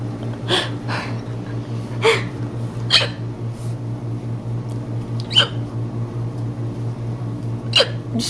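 Short sharp hiccup sounds at irregular intervals, about six in eight seconds, over a steady low hum.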